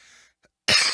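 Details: Single sharp, harsh cough close to the microphone from an adult smoker who says he hears himself wheezing; cough.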